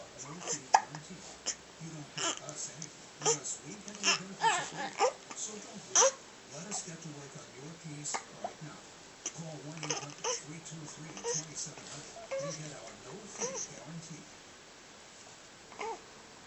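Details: Repeated short, abrupt hiccup sounds mixed with babbling and vocal noises from a small child; hiccups.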